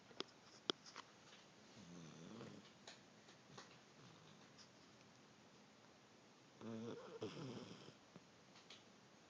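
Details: Dog asleep on a couch, snoring.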